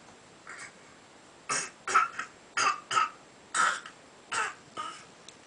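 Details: A 9-month-old infant pulling up to stand gives about eight short, light cough-like bursts with a voiced edge, loosely spaced; a deliberate fake cough, a normal playful behaviour.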